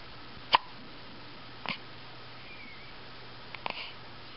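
Three short, abrupt catches of breath a second or two apart in a quiet room. Hiccups.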